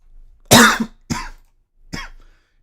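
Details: Someone recovering from a recent illness, with only a lingering cough left: three dry coughs, the first strongest, then two weaker ones; post-viral cough.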